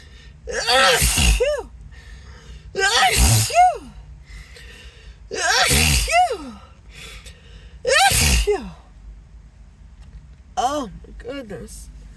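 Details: Acted, apologetic sneezing fit with a tingling nose: four loud voiced sneezes about every two and a half seconds, each with a gasping intake, then catching breaths, over background music.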